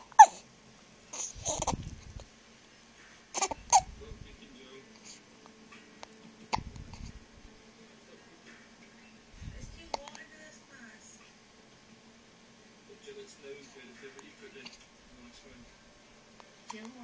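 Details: Sleepy 2-month-old baby trying to sleep but repeatedly woken by hiccups: about six short, abrupt gulping sounds over seventeen seconds in a quiet room.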